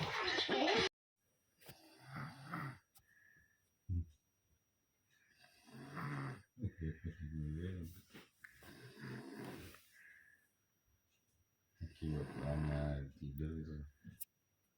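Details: Sleeper snoring: rough, rattling snores with quiet pauses between breaths.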